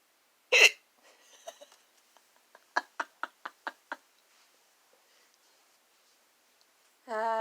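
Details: Repeated hiccups: one loud hiccup, a run of quick smaller gulping hiccups, then a voiced hiccup at the end; a sneeze afterwards cured them.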